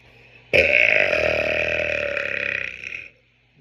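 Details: One long, loud, sustained belch lasting about two and a half seconds, with a deep rattling vibration throughout; deliberate burp from a compilation.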